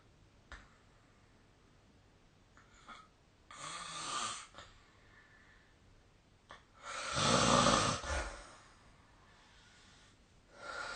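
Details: Snoring during sleep, recorded with the SnoreLab app: two loud, rough, noisy breaths about four seconds apart over quiet room hiss.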